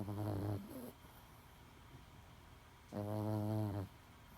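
Two loud, buzzing, tonal snores about two and a half seconds apart, with quiet breathing between; snoring in a sleeping pet.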